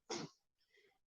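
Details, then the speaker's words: A dog with congestive heart failure coughs in the background of a live stream: one harsh, forceful cough, then a faint, softer breath or rumble. "chattanooga ed fantastic live in the studio you can hear bolo coughing in the background that's part of his uh"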